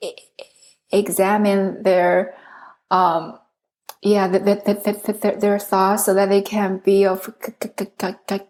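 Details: Adult woman who stutters, originally from China, speaking English, with many word repetitions; stuttering.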